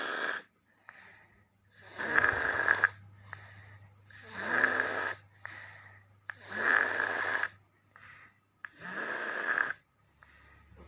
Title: bayi ngorok lucu banget